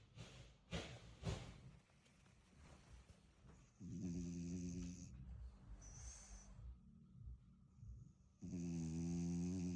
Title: Logan went snoring right away! 🐾🐶 #pups #frenchbulldogs #puppies